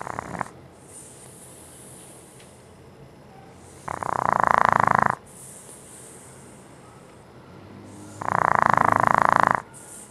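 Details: French bulldog snoring: loud buzzing snores on breaths in and softer hissing breaths out, at roughly fifteen breaths a minute.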